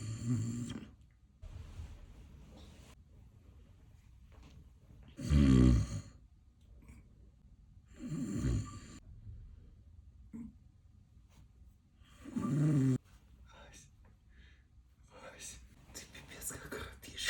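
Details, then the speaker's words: Person snoring at night, who denies snoring: loud, rough, low snores at irregular intervals, about four in 17 seconds, with quiet room noise between; ordinary snoring. "каждую ночь ты так каждую ночь храпишь я не храплю"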